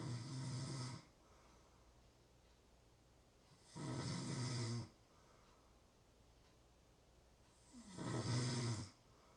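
Low, rumbling snores on each breath, about 15 a minute, separated by quiet pauses.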